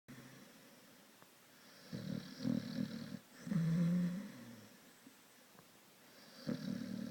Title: Sonny the Staffy snoring